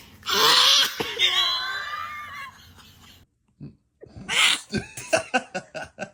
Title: Baby sneezes#baby #cute #funny #foryou #sneeze